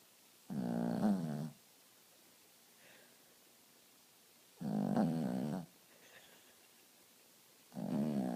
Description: My dog Copper in a deep sleep :)